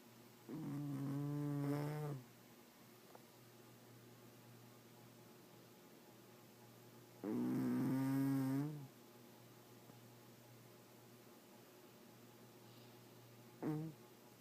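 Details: Pet cat that snores all the time, asleep: two long, rough, buzzing snores on slow breaths, then a short third one, over steady room hum.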